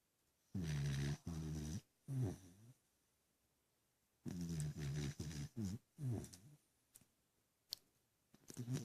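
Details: Sleeping dog dreaming and snoring: short groaning, grumbling breaths and low snorts in bursts with pauses.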